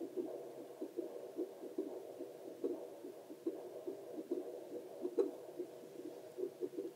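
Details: Normal heartbeat of the person recording, picked up with a Doppler and played as relaxing ASMR.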